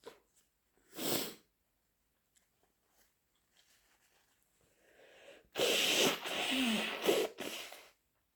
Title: sneezes and snotty nose blowing